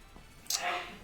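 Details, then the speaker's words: An adult man sneezing in the background while someone else talks; sneeze. "that's my dad sneezing if you could hear that in the background"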